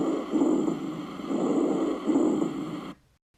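Low-pitched, harsh, continuous snoring-like rumbles come in three waves with the breaths, then stop abruptly: rhonchi.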